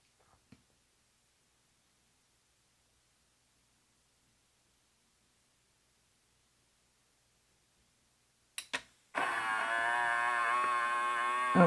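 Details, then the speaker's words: CAVN automatic upper-arm blood pressure monitor on a seated user: near silence and a couple of clicks, then a steady buzzing motor whine as the cuff inflates and tightens around the bicep. "Okay, you have to put your elbow on that switch for it to start up and now it's inflating the cuff. Okay, now it's it's tightening the cuff around my bicep."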